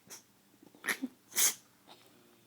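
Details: A sleeping dog, being messed with by the owner, gives a few short, sharp nasal bursts, the loudest a hissing snort; sneezing.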